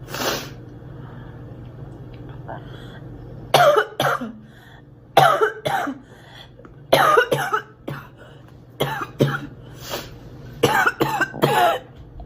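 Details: Girl, acted coughing: a series of short, sharp dry coughs in small clusters, about seven bursts with pauses between, in a quiet room.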